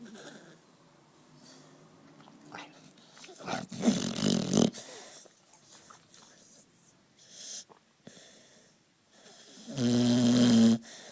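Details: Relaxed sleeping puppy snoring: soft snuffling breaths, then a loud rattling snore and a second snore later.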